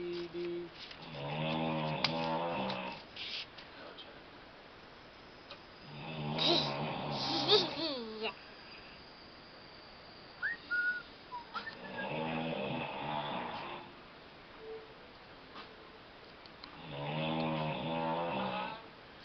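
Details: Adult woman (mother) snoring heavily while asleep in her room, audible several meters away: loud, rattling snores on each in-breath, about 12 breaths a minute, with quiet pauses between them. Snoring.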